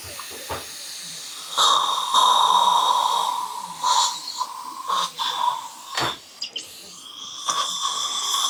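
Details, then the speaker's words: High-pitched whining surgical drill running in bursts with water spray hiss through a surgical guide stent, preparing sites for two 2.5 x 15 mm mini dental implants at site #19 in a live surgery. "So John, you're going to feel a little vibration, some water."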